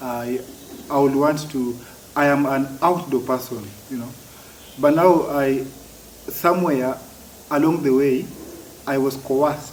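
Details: Adult man who has stammered since childhood, with blocks and difficulty uttering words that worsen when he is over-excited; stuttering.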